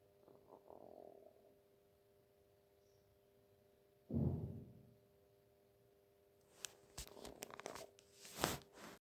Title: stomach growling